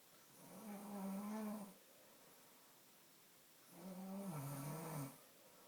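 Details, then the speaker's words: Snoring: two loud, buzzing snores a few seconds apart, each with a steady low tone during breathing in. "Yeah, stop snoring."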